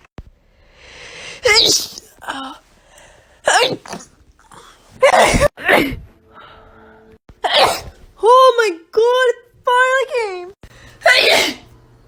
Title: sneezing compilation 12